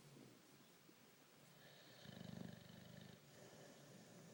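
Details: Boxer dog snoring while asleep and dreaming: a quiet, rough, rattling snore over faint room noise.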